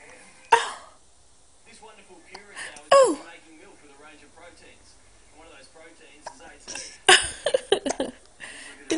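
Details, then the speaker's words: One-month-old baby boy with three short, sharp, jerky hiccups a few seconds apart in a quiet room, with faint adult voices; hiccups. "got hiup it's got hiup oh no you don't like he cups you don't like he cups"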